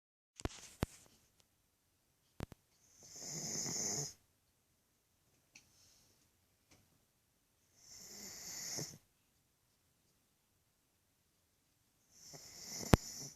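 Three snorting, wheezy snores with long quiet gaps between them and a few faint clicks; loud snoring from a small dog.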